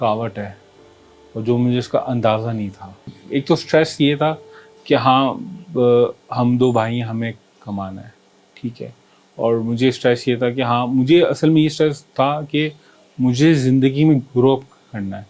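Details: Stuttering in a 40-year-old man who has stammered since age four or five; his parents knew, but it was never treated.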